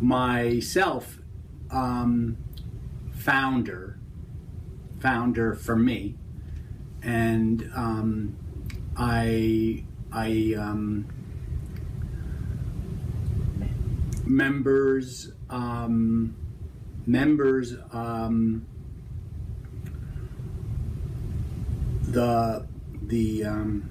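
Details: Example of Broca's (expressive) aphasia with word-finding difficulty, halting speech and imperfect grammar, comprehension preserved; Broca's aphasia.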